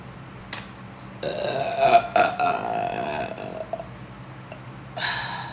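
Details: Young woman deliberately burping for a burping challenge (Sprite): a long, loud, drawn-out, tonal rumbling belch, then a shorter burp.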